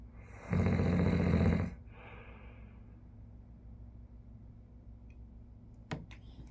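One loud, low, vibrating snore on an in-breath, followed by a softer out-breath and quiet room noise.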